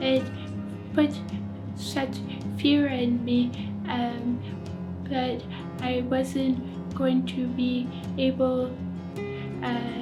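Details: Aphasia after a stroke in an adult who reports it is hard to talk.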